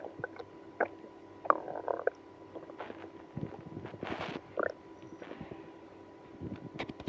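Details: Irregular gurgling and squelching abdominal noises with low rumbles, after drinking milk and prune juice in a person with IBS; active bowel sounds, stomach growling.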